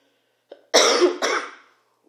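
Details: A short breath in, then two rough, harsh cough bursts in quick succession; persistent cough in a sick adult with a sore throat and partly cleared sinuses.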